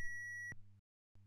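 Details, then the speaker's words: AED shock delivery tone during a single-rescuer CPR/AED demonstration on an Ambu training mannequin: a steady high electronic tone ending in a brief burst, then a short hum, after the prompt to press the orange button. "deliver shock now St clear press the orange button"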